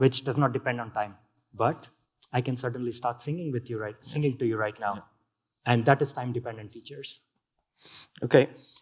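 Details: Adult male speaker; healthy speech.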